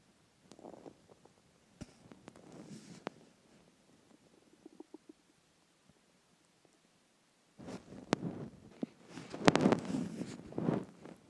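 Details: Hunger stomach growling (borborygmi) after a skipped lunch: soft gurgles and pops, then a louder rolling rumble near the end.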